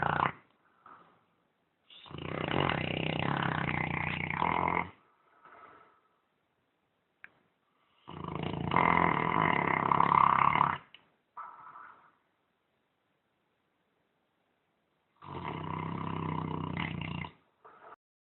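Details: Saint Bernard dog snoring very loudly: rough snores lasting two to three seconds each, three long snores in about eighteen seconds, with quiet pauses between.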